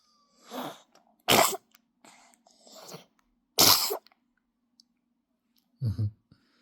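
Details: Three sharp, explosive bursts with softer sniffs and breaths between them in a quiet room, fitting a short run of sneezes; Nelly, who won't sleep, is mentioned afterward.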